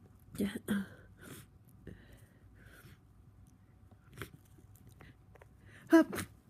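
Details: Person with a bad cold in sneezing fits; several short sneezes in a fit with quieter sniffs and breaths between bursts.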